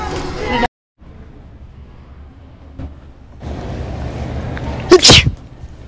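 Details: Faked sneeze performed as a public prank in a store, a single loud sharp burst near the end after quiet store noise.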